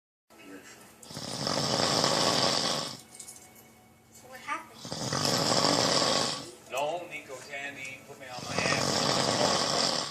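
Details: Heavy snoring: loud, harsh, rattling snores on each breath, about three in ten seconds, with shorter noises between them.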